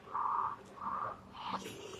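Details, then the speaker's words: Cough Assist machine used routinely on a child, inspiratory program with oscillation, part of five-series sessions; repeated buzzing, vibrating air pulses with changed noise from oscillation to help mobilize secretions. "ahora que respire un poquitito y lo mismo voy a poner el problema de momento es el de inspiración con la oscilación una e igual podéis oír el ruido como cambiado ese es la oscilación"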